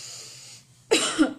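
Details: Voluntary cough demonstrated in a nursing lecture on pneumonia, shown while explaining how to instruct a patient for sputum collection.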